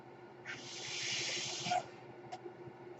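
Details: Steady airy hiss of about one second that rises and cuts off over quiet room noise: one breath delivered by the speaker's own mechanical ventilator during his podcast narration.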